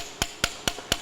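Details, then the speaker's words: Four sharp, evenly spaced mallet taps driving a tibial ExoShape fixation device, sized plus 5, into the bone tunnel of a right knee during anatomic soft-tissue ACL reconstruction, a demonstration. "i usually go to plus 5 and i simply mallet this in like this"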